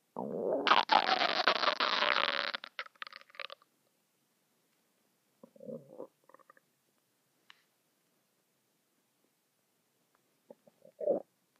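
A long gurgling rumble, then shorter bubbling gurgles with quiet gaps: ordinary bowel sounds, stomach rumbling.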